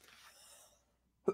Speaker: sort of cough. I'm not 100%. My lungs are still sort of full of junk, but I'm getting better.